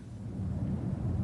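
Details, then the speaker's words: Bronchophony on posterior chest auscultation with the diaphragm of the stethoscope: patient says "99" and the transmitted voice sounds louder and clearer than normal. "99 voice sounds that are louder and clearer than normal are called Brophy 99"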